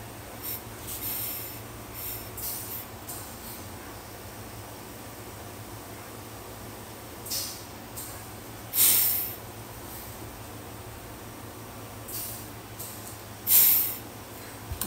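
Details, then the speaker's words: Slow, spaced hissing inhalations drawn hard through a small-hole resistance trainer (front version, diaphragm strengthening) by a person with advanced pulmonary fibrosis, scarring over 70% of lungs; resisted inspiratory muscle training. "you want to really have to pull and work hard so here I'm going to demonstrate this the front version of this for lungs"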